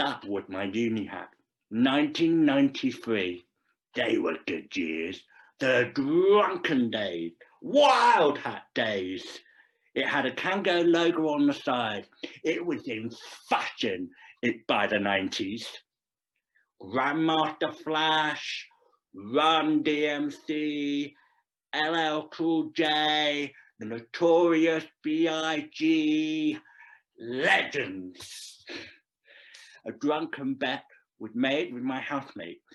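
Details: Deaf adult male actor performing a scripted story about a profoundly deaf man who speaks; deaf speech.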